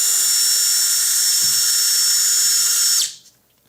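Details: Steady high-pitched surgical power drill whine for about three seconds, then spinning down: drilling a locking screw hole for an Expert tibial intramedullary nail, demonstrated on a synthetic test bone.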